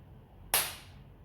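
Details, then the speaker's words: A single sharp pop, fading quickly into quiet room noise, as a needle-free pressurized pen fires one unit of botulinum toxin at the second (medium) pressure setting in a training demonstration. "e fez o barulhinho ela saiu a quantidade que eu queria"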